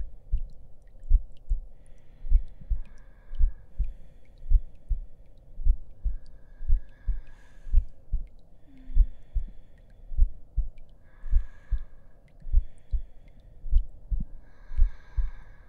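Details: Simulated heartbeat in an ASMR roleplay audio, steady soft low thumps at about 50 beats a minute, with a faint hum and distant chatter behind.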